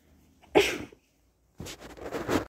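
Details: A short, sharp sneeze, a pause, then a breathy, wet burst of sneezing or nose-blowing from a person with a cold, possibly flu, who feels horrible.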